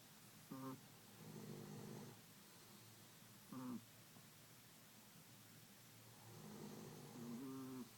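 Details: A chihuahua and a man (her owner) snoring together in a quiet room, short throaty snorts alternating with longer rattling breaths; snoring.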